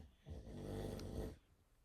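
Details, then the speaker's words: Dog sleeping in a quiet room: a single low, rumbling snore lasting about a second, with a fluttering buzz on the breath; owner says she snores all night every night; snoring. "hear that Sally's joining us but I bored her already so you'll hear her snore this is what my last video did y'all hear that all night every night"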